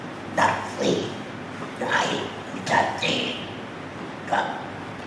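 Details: Man practising esophageal speech after total laryngectomy (whole larynx removed), moving from the sound 'a' to forming words; esophageal speech after total laryngectomy.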